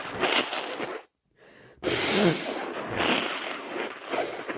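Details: Adult with a common cold, in the morning: long, forceful, wet hissing nose blows through a congested nose, with a pause.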